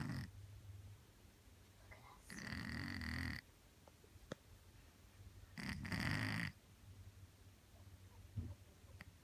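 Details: Neutered male feral cat, now let indoors during the day, snoring: two rumbling, rattly snores about three seconds apart with quiet room noise between.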